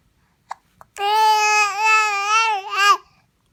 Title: Mad talking baby with hiccups 2